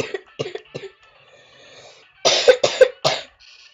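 A run of short dry coughs, then three louder harsh coughs, about six in all.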